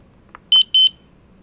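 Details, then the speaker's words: A few short, high-pitched electronic beeps from a Zoll M Series biphasic defibrillator after it is switched into defib mode, before selecting energy (200 joules recommended); tutorial demonstration. "you're on the defib mode now. As you can see, it says right here, you're going to select your energy."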